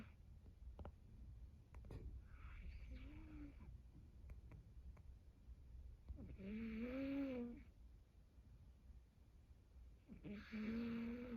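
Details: Heavy snoring in a male cat. The owner hopes he is ok and says he has been to the veterinarian. Soft, nasal, whistling snores on the breaths, roughly 16 a minute, over faint room noise.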